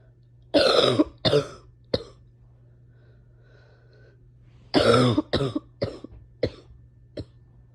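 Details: A painful coughing fit: two runs of harsh, forceful coughs, about nine in all, separated by a brief pause; coughing fit.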